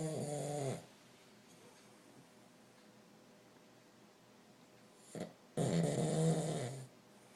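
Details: Pug dog napping and snoring: two loud, rough snoring breaths with a snorting quality, separated by quiet.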